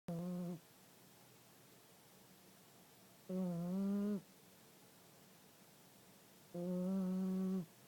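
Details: New puppy with three steady, low, humming snores at about 17 breaths a minute, each under a second, with quiet breathing between; snoring.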